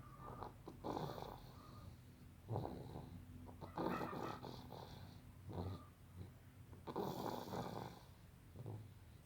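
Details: Snoring during sleep: soft, irregular breaths with low rattling, about 19 per minute, over light room noise.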